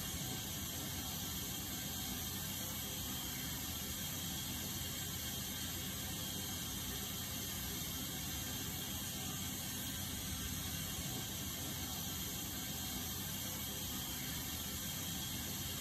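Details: Dental instruments give a steady high-pitched whine and mechanical hiss, running continuously during a wisdom tooth extraction.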